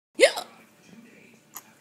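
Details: A single sharp, voiced hiccup, then quiet and a faint second catch, while people laugh at the hiccups; typical hiccups.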